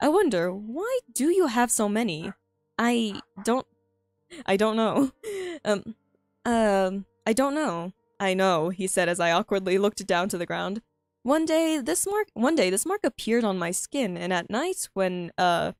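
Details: Self-reported frequent stuttering in a female streamer who finds reading difficult, reading her own story aloud; this stretch has repeated phrases and fillers.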